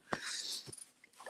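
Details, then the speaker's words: Pet cat with hay fever sneezing: a sharp, small sneeze with a brief hissing rush of air, then a second softer snort. "If you can hear sneezing, that's my cat."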